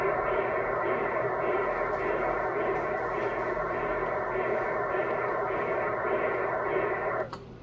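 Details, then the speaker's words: Transcranial Doppler in a 7-year-old girl, likely with sickle cell disease (transcript unclear), after a recent severe crisis: continuous whooshing pulsatile flow, about 80/min. Highest velocity is in the left middle cerebral artery, roughly 205–260 cm/s; above 200 cm/s signals stroke risk. "donc généralement les vitesses sont modérément élevées la vitesse la plus élevée on l'a trouvé au niveau de la terre cérébrale moyenne gauche"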